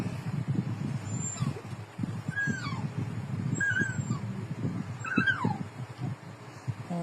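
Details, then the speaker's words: Dog recovering from distemper, with leg twitching and pain on touch as side effects, whimpering in shallow, irritable sleep around 2 a.m.: short high whimpers and cries over restless breathing and room noise. "Kasi pag agag mababaw pa yung tulog niya yan ganyan siya. Umiiyak siya pag mababaw pa yung tulog niya."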